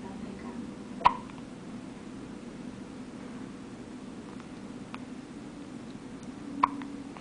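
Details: Newborn girl with hiccups on her birth day: two short, sharp hiccups about five seconds apart over quiet room noise.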